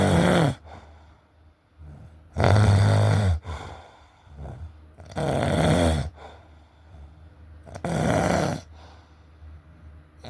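Deep, loud, rumbling snores repeat about 22 times a minute, with quieter breathing between them.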